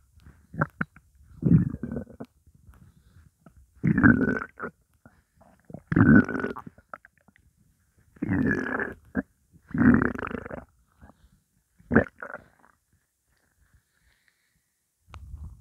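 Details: About six bursts of low gurgling rumbles separated by quiet gaps, recorded over 12 minutes of hunger with only water in the stomach; borborygmi.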